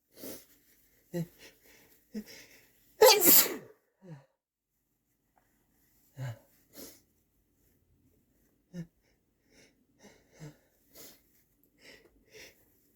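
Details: Sneezing brought on by chhinkni: one loud, explosive sneeze among several smaller stifled bursts and false starts with quick in-breaths; sneezing.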